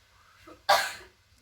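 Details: Nursing practical demonstration of effective cough for sputum clearance: after deep breath in and hold on instruction, one forceful cough with no rattle; acted; sputum not yet produced.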